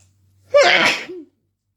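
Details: Adult feeling sick, woken in the middle of the night: a single loud explosive sneeze with sharp intake and burst of air, part of an intense rapid sneezing fit.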